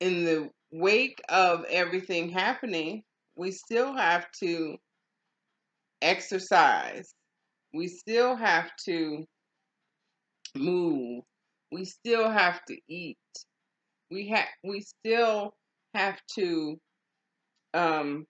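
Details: Adult woman with aphasia after a stroke, in ongoing stroke and aphasia recovery; aphasia.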